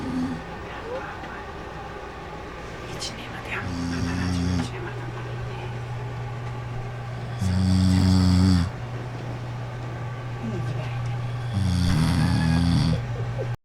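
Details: Adult man (dad) snoring beside his sleeping 7-week-old baby: three loud, low, rattling snores about four seconds apart over quiet room noise.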